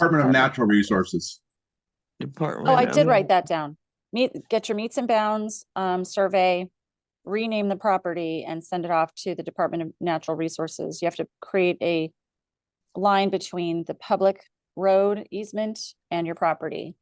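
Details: Adult speaker; Normal voice.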